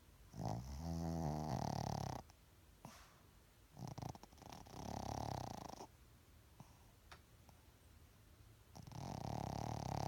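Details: Snoring: three loud, long, rattling snoring breaths a few seconds apart, with quiet pauses between them.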